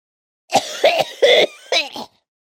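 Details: Acted cough sound effect, unrelated to any illness: about four clear, sharp cough bursts in quick succession.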